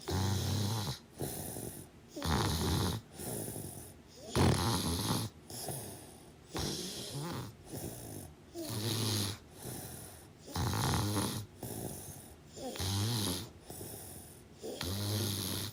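Continuous rough, fluttering snores on nearly every breath, about 14 to 15 breaths a minute, with snorting at times.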